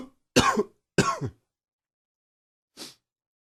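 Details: Adult morning cough blamed on allergies: two loud, harsh coughs in quick succession, then a softer breathy cough or throat clear.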